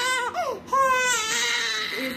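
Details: 2-month-old baby girl after her pneumonia vaccine injection; high-pitched, tonal crying with rising and falling wails and a short catch of breath; infant crying.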